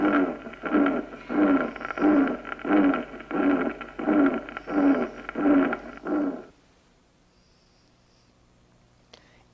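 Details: Aortic regurgitation murmur.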